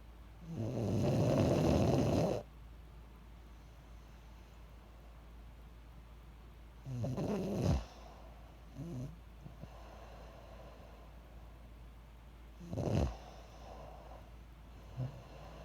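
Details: Self-recorded snoring, labelled "30 weeks": loud, rough, rattling snores at irregular intervals, with quieter noisy breaths between and a steady room hum.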